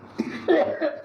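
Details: Two short, fairly dry cough bursts from an adult in a small room during spice-smoke therapy for thyroid problems and a persistent tickly cough.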